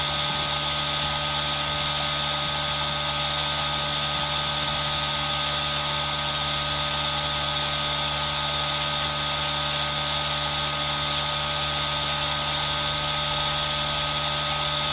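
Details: Aerosol nebulizer running for ASMR with rain sound mixed in, recorded on a Zoom H1n: steady mechanical hum and hiss with a continuous rain-like rush mixed in.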